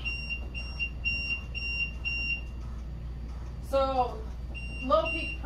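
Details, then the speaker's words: Ventilator set up for nurse training on rapid sequence intubation: repeating high-pitched electronic alarm beeps, briefly overlapped by a voice; a low peak pressure alarm, with causes such as a circuit disconnect discussed. "what are some causes we talked about some of the height disconnect disconnect if you're having low peak pressures start like troubleshooting troubleshooting your tubes"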